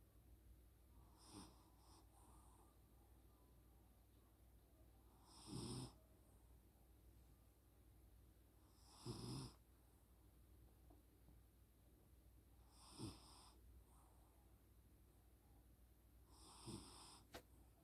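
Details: Pet snoring while asleep: soft, rough snoring bursts roughly every three to four seconds.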